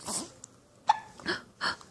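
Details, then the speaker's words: 8-week-old baby girl with hiccups: short abrupt catches mixed with soft coos and breathy sounds while her mother talks to her. "you having a good day are you having a good day yeah how are your hiccups"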